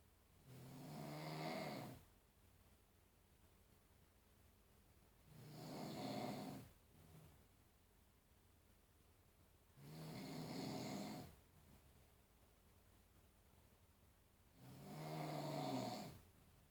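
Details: Snoring recorded around midnight by the snorer's wife to show how loud it is: slow, loud rumbling snores on each breath in, about 13 breaths a minute, with quiet pauses between.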